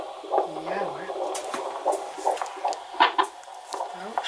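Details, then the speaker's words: Normal fetal heartbeat at the 20-week scan, on Doppler over the mother's abdomen: fast rhythmic whooshing pulses described as "tik" heart-valve clicks, within 110–160; the baby is moving, which raises the rate. "Nu hoor je echt die hartklepjes. Dat gaat tik."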